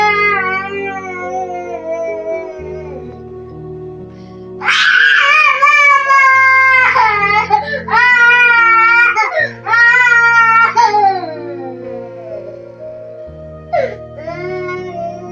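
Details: Infant, a son, crying for his father: loud, sustained wailing in repeated long bouts with brief catches of breath, background music playing.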